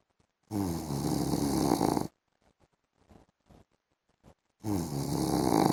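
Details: Adult man snoring during an afternoon sleep: loud, rough, rattling inhaled snores about four seconds apart, with quiet breathing and faint clicks between.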